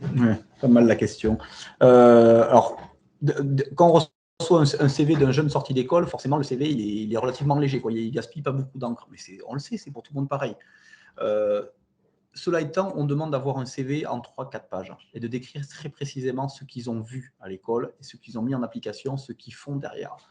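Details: Adult male speaker; normal voice.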